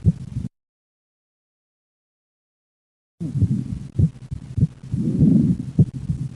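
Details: Paradoxical splitting of the second heart sound in left bundle branch block: S1–P2–A2 split audible at rest and on expiration ("out"), merging to single S1–S2 on inspiration ("in") as delayed aortic closure coincides with pulmonic closure.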